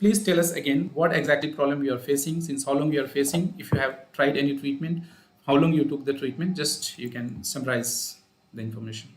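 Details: Adult male speaker; Unaffected speaker.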